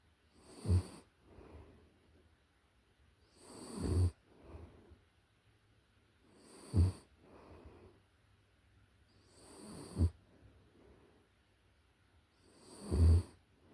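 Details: Close-up recording of a puppy in deep sleep: soft, rhythmic snorting snores, about 20 breaths a minute, with gentle breaths out between.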